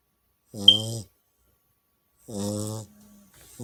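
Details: Snoring from a sleeping chow puppy: two short, voiced, whiny snoring sounds separated by silence.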